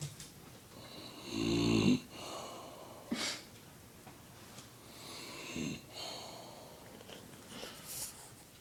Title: Dad snoring